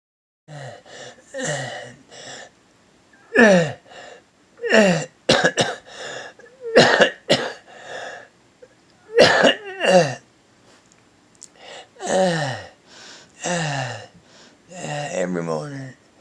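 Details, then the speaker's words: Patient who has trouble breathing that worsens each morning and cannot catch breath: repeated harsh, crowing breaths with a musical whistling edge, mixed with cough-like bursts; stridor. "I film this because I try to explain to my doctors what it feels like and sounds like and I just say I hyperventilating"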